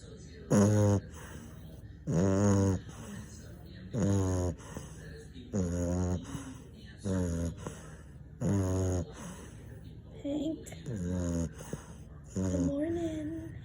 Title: French bulldog snoring